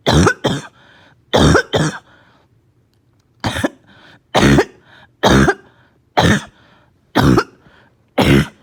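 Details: Child with a barking cough, slight fever, gagging and vomiting: about ten harsh, abrupt coughs in quick pairs and singles.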